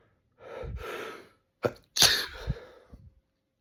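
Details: A drawn-in breath, then sharp explosive morning sneezes through nose and mouth in a quiet room; sneezing.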